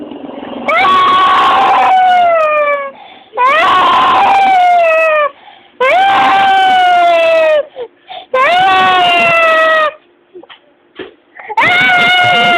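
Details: Young boy crying loudly in long sobbing wails with gasping breaths, about two dozen cries a minute, after being scolded for breaking something and told his father would spank him; ordinary upset crying.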